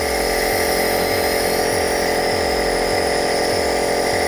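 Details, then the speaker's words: ELVASENSE NEB39 air compressor nebulizer for respiratory therapy, switched on with mouthpiece attached, steady buzzing motor hum with fast even pulsing underneath; compressor nebulizer running normally. "Akankah stop kontak dan tombol on-off nya ada di samping sini cuma satu kali tekan nah ini uapnya ketok"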